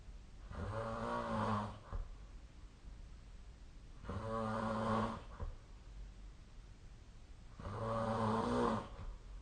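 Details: Sleep snoring recording: loud, rattling snores on each breath in, about 17 a minute, with quiet breathing out between them.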